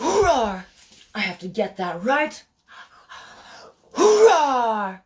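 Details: Adult woman with Tourette's, self-described, producing a repeated 'Roarr!' vocal tic; vocal tic.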